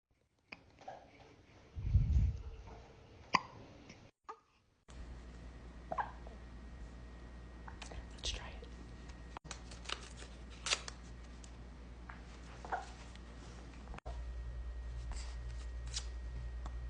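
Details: Baby with soft, abrupt hiccup sounds at uneven intervals, faint whispering and room noise; infant hiccups.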